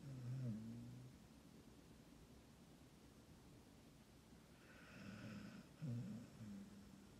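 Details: Dog in deep sleep; low, rumbling snores over a few breaths with soft snorting, ordinary snoring.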